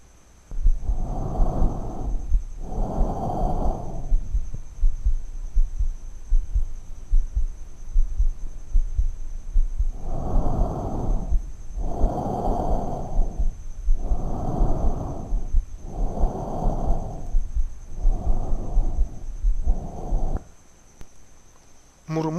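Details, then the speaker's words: Normal tracheal breath sounds in an adult, heard over the larynx and trachea on the front of the neck: loud, harsh, hollow sounds in both inspiration and expiration. "respiratorio sea de mayor intensidad topográficamente lo podemos ocultar a nivel de la laringe y la tráquea en la cara anterior del cuello"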